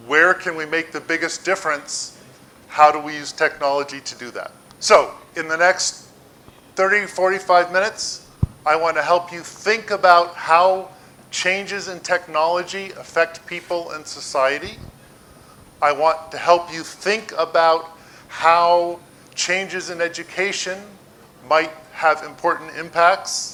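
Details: Adult male speaker; normal speech.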